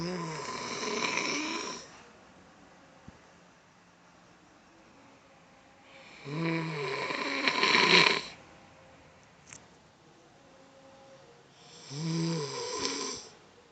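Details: Three long, loud snores with a buzzing, whistly quality, separated by quiet pauses; snoring.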